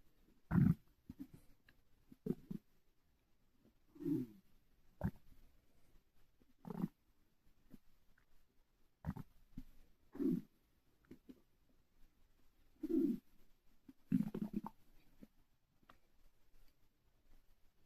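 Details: Loud night of stomach growling attributed to air in the stomach: quiet recording with scattered brief low groans and gurgles every few seconds.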